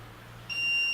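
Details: Simulated use in a CPR trainer's demonstration on a manikin: a steady high electronic tone starts abruptly after low room hum, a defibrillator (AED) alert sounding while it reanalyses the heart rhythm.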